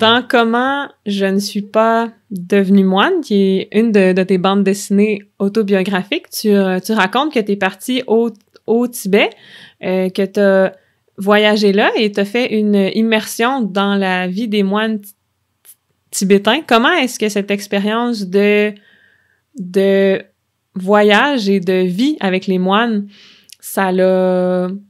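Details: Adult woman who stutters, speaking French; stuttering.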